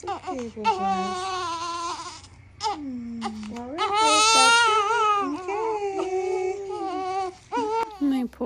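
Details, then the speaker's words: A newborn girl on her first full day in hospital after a C-section birth cries in strong, high-pitched bursts with brief breath pauses during a heel-prick blood draw for genetic screening. "This is a genetic screening they were doing where they had to prick her foot and get a little bit of blood."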